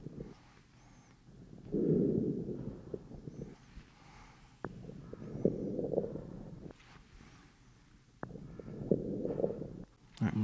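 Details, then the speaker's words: Normal breath sounds: soft rushing breath sounds, no added sounds, heard over the front of the chest with an Eko electronic stethoscope as the patient takes deep breaths in and out through the mouth during an OSCE-style GI physical exam demonstration. "so now I'm going to listen to your lungs take some big breaths in and out through your mouth deep"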